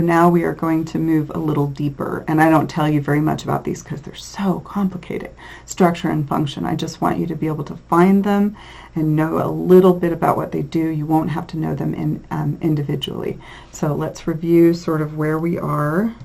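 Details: Adult lecturer; normal speech.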